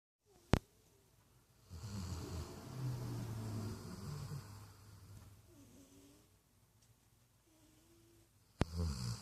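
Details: A dog and a cat sleeping together and snoring: snoring.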